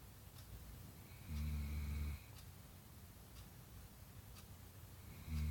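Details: Snoring of a sleeping pet: soft, low buzzing snores on each in-breath, about one every four seconds, in a quiet room.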